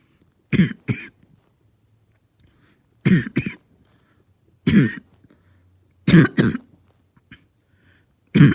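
Five short bursts of harsh, low, hoarse coughing, often in pairs; a barking cough.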